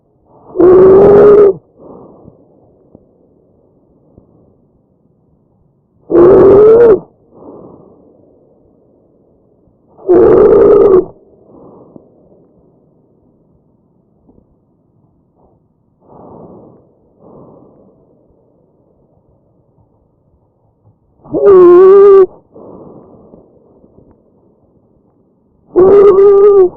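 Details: Tracheal stridor from a real patient: loud, high-pitched musical crowing on each breath in over the windpipe.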